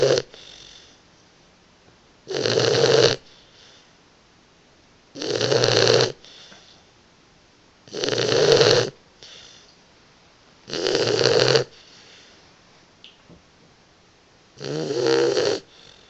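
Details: Boxer puppy napping, with regular rasping snores and a short faint breath between each, about 21 per minute; snoring.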